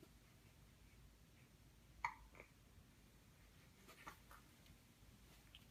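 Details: Baby girl aged 1 month 11 days with a few brief, sharp hiccups spaced irregularly in a quiet room; ordinary infant hiccups.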